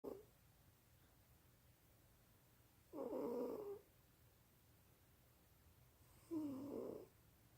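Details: One minute of a sleeping cat snoring: slow, regular rattling snores, about one every three seconds, with quiet pauses between; ordinary snoring.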